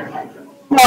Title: Coughing